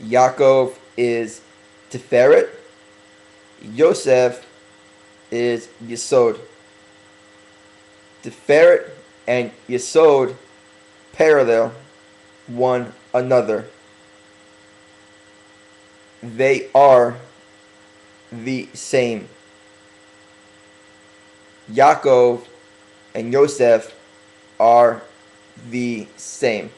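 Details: Stuttering in an adult male who is working on his stuttering and deliberately speaking slowly for a few weeks to correct it; long pauses between short phrases.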